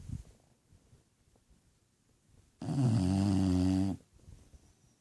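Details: Sleeping bulldog snoring: a single loud, rumbling snore lasting over a second in a quiet room; snoring from a flat-faced dog.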